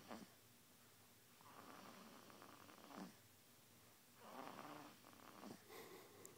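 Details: Snoring: soft, raspy snoring breaths, about three in the recording, over steady room hiss.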